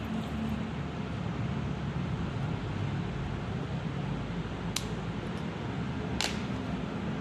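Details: Spring-loaded lancing device of the Y-582 blood glucose meter, set to depth level 2 of 5, firing for a finger-prick blood sample: two sharp clicks over steady room noise.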